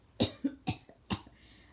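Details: Three sharp, harsh cough bursts in quick succession from a person coughing since October; they improved at first but are now much worse, with chest pain, despite prescribed medication and allergy meds. Persistent cough.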